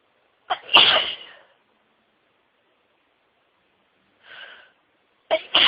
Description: Absolutely huge sneezing fit with lots and lots of sneezes (over 60!), including build ups, a couple of stifles and some wet nose blowing on soft white tissues.